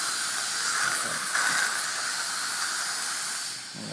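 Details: Steady high-pitched hiss of dental high-volume suction drawing air through an isolation mouthpiece, during a comparison of Isolation, Isolite and Kona adapter systems.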